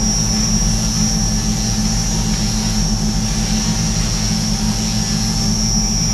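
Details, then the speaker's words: Arthroscopic burr entering from the back and advancing forward shaving the acromion of a right shoulder during acromioplasty, patient lying on side: steady mechanical whir with constant high whine and low rumble. "we've got the shaver or the bur rather coming in the back and then we'll slowly Advance forward"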